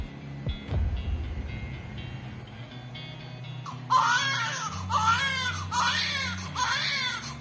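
An infant's repeated crying bursts start partway through, over low steady hum and faint music.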